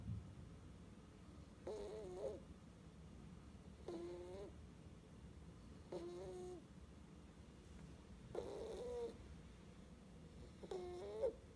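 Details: Baby snoring while asleep; snoring.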